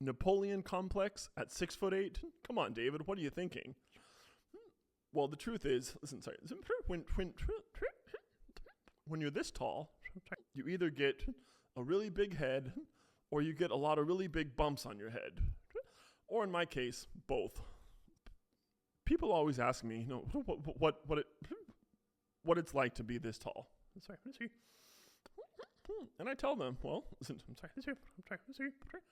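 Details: Adult man with a self-described pretty bad case of Tourette syndrome who says he technically also stutters; vocal tics with repeated words; Tourette syndrome with vocal tics and stutter-like repetitions.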